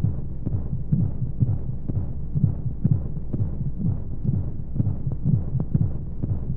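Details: Womb sound played as a baby sleep aid: soft, muffled low thumps at about 125 a minute with regular rhythm under a steady hiss of white noise and monotonous flowing sounds; heartbeat.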